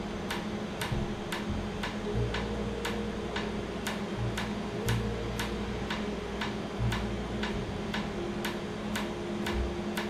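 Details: Laser tattoo removal after numbing, with cooling air, near the end of a pass ("last one"), leaving skin slightly raised and swollen: sharp, evenly spaced clicks about twice a second over steady machine hum and faint tones.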